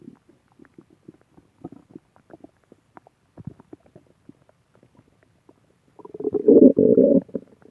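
Faint scattered bubbly clicks building to a loud, drawn-out growling rumble near the end; normal stomach growling.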